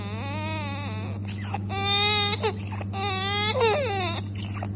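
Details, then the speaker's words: 3-month-old IVF-conceived infant with scalp hemangioma and subglottic hemangioma filling 90% of the airway, moderate-severe respiratory distress: cries and strains with harsh, high-pitched biphasic stridor, predominantly inspiratory. "lo que se escuchaba en este video Perdóname era básicamente un estridor bifásico con predominio inspiratorio sabemos que cuando estamos ante un estridor de estas características o sea bifásico estamos pensando en una patología que esté ocupando la subglotis"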